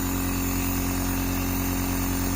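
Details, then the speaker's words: Nebulizer compressor running steadily with a low rhythmic pulsing hum while a sick young child with cold and cough is given nebulization. "Nannu बेटे का तबीयत खराब है तो इसको भाप दे रहे हैं। बेटा नेबोलाइज कर रहे हैं।"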